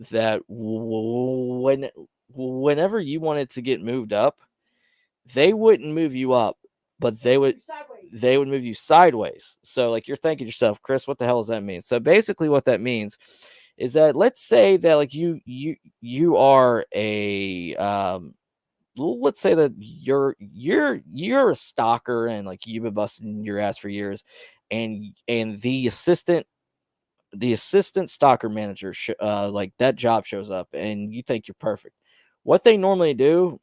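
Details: Stuttering in a male host who says he has his own stutter, with word repetitions heard.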